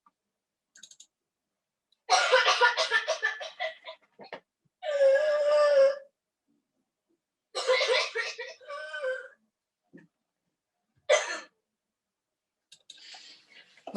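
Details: A child's harsh, rough barking coughing bursts alternate with long, high-pitched, crowing in-breaths, typical of croup with inspiratory stridor.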